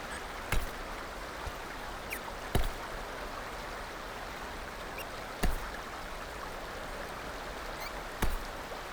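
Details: Infant girl with hiccups: short, sharp hiccups, four in about nine seconds, over a steady background hiss.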